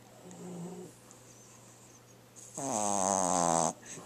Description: Our Baby Frenchie--Channa, Snoring Like Crazy.